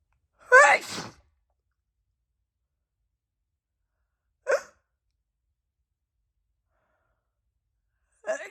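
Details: Woman at night, just out of the shower, reporting a really itchy nose: three sneezes in a quiet room, one loud wet burst, then two shorter ones several seconds apart; wet sneezing.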